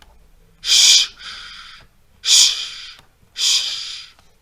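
Three breathy hissing bursts, each swelling then fading, a voiced imitation of the crescendo-decrescendo systolic ejection murmur of aortic stenosis.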